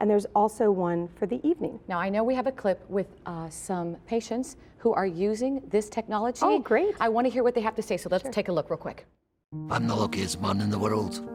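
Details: Adult woman speaking, then a brief second voice; normal speech.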